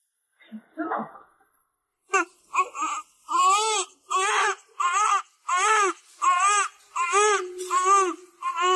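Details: Newborn after C-section delivery: rhythmic, strong crying in repeated clear wails, about 80 a minute, after a brief quiet start; a vigorous normal newborn cry.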